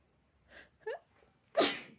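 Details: Person with an allergic reaction to a dog, runny itchy nose and watery eyes, antihistamines taken but not yet working: a couple of soft quick inhalations build to one sharp, explosive sneeze.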